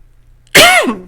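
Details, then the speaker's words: Adult woman coughing during a talking session after a throat tickle all day: one loud, harsh cough burst falling into a voiced tail, in a quiet room. "Hold on one second. I feel a tickle in my throat. I've been doing this all day."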